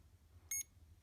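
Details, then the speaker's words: On a CADD Legacy infusion pump priming the epoprostenol/Remodulin line for pulmonary hypertension, with the air detector and upstream sensor off, the prime button is held. A single short, high electronic beep sounds, one of the three beeps before release and pressing again to start priming. "it will beep three times and then release and press again the screen reads priming"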